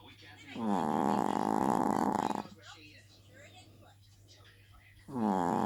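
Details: Loud snoring by a Chihuahua: long, rough, buzzing breath sounds in a quiet room, with a pause between them.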